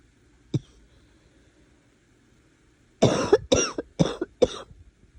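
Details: Cough after trying to suppress it for a long time: one sharp cough, then a run of four harsh, barking coughs in quick succession; barking cough.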